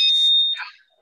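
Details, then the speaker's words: Simulated ICU soundscape played through a speaker: steady high-pitched electronic alarm tone then brief fading noise, sounds of ventilators and feeding pumps on an intensive care unit; device alarms. "Kennt man auch Beatmungsgeräte, Ernährungspumpen, verschiedenste Art und Weise, ist quasi der Klang unserer Intensivstation."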